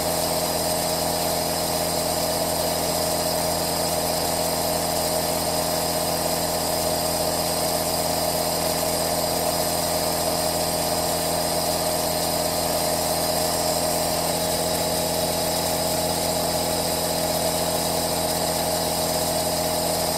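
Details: Running aerosol nebulizer compressor recorded as 10-hour 3D ASMR white noise for relaxation and sleep: steady, unbroken mechanical hum and hiss.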